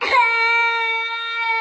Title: Pakistani Cutest Baby Crying Funny Video